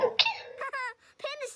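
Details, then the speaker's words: A friend sneezes, possibly from allergies: a brief, squeaky sneeze burst followed by high-pitched voiced sounds; a small, cute-sounding sneeze. "Oh, bless you. That was such a cute sneeze."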